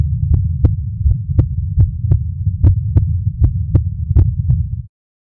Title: Real Heart Beat